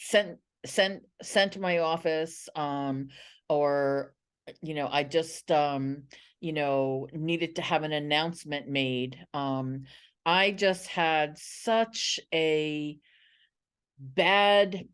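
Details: Adult woman who identifies as a person who stutters and has been a National Stuttering Association member for 17 years; real, non-acted speech showing stuttering.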